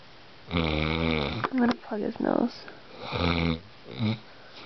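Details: A man snoring in the dark, with his nose plugged by someone else, which doesn't help: loud vibrating snores on the in-breath, each followed by a snorting, gurgling out-breath.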